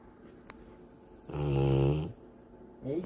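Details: Rottweiler dog snoring loudly while sleeping: one loud, low, rumbling snore under a second long, a small click before it and the start of a second snore; quiet room.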